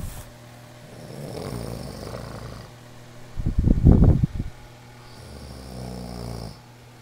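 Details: Male visitor worn out, snoring in sleep: soft breathing with one loud, rattling snore in the middle.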